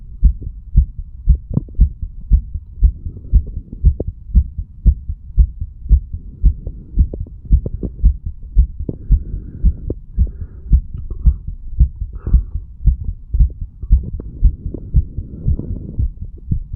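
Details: Heartbeat of a 35-year-old standing male recorded through a stethoscope over the mitral, tricuspid, pulmonary and aortic valve areas and the right ventricle; regular lub-dub at about 115 beats per minute, normal heart sounds.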